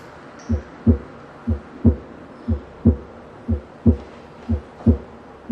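Regular heartbeat at about 60 a minute with a soft rough sound after the first sound of each beat, a systolic murmur from a ventricular septal defect.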